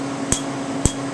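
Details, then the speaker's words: Q-switched Candela TriVantage alexandrite laser, 3 mm spot, removing a previously treated tattoo on a male patient after 15 minutes of topical anesthetic under cellophane, still moderately painful: two sharp snaps over a hum. The snap is louder on untreated ink. "listen to the snap and the areas that have not been treated yet today and then you'll notice as if I try to go over an area that's been treated you don't hear the snap as much"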